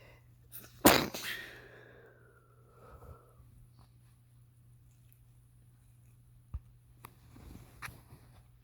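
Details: Male with a cold deliberately inducing sneezes: one sharp, explosive sneeze with a short trailing exhale, then quiet room sounds and small clicks; sneezing.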